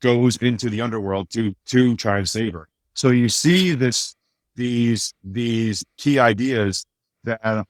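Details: Adult male with a speech impediment since childhood, much worse then and greatly improved, still slightly audible; mild speech impediment.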